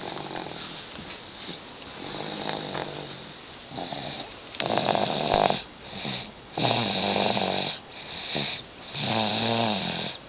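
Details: Snoring in a 9-month-old baby who fell asleep on the couch after a bottle: rough, rattling breath noises in repeated cycles, about one every two seconds, with a strained, whistly edge.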